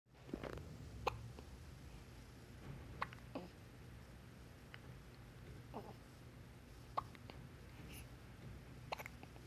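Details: Young one, described as new life, surprised by her own hiccups: faint, brief, sharp catches repeating irregularly, about five in nine seconds, over a low room hum.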